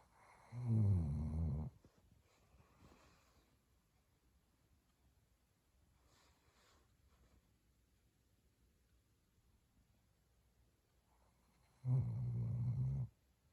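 Two deep, rattling snores about eleven seconds apart, with quiet breathing between them. Snoring.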